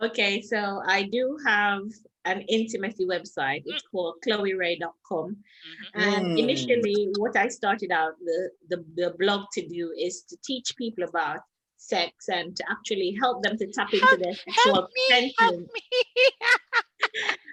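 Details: Foreign accent syndrome in a Jamaican woman after a June 2019 car accident caused head trauma and stroke, leaving permanent brain damage and swelling between motor and language areas. Her accent went from American to Trinidadian to a persisting British one, lasting over 6 months.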